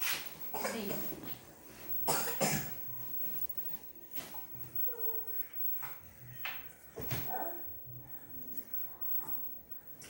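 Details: Dog coughing; owner suspects too much iced drink: several harsh, irregular coughing bursts in a small room with quieter breathy sounds between.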